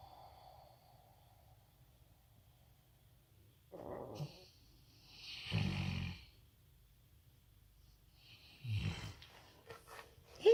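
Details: Rottweiler snoring while sleeping peacefully, loud enough to vibrate the floor: three deep, rumbling snores with breathy fluttering noise, separated by quiet pauses.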